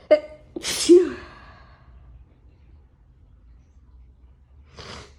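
A single loud sneeze with a sharp intake and voiced burst, followed by quiet room noise and a soft breath.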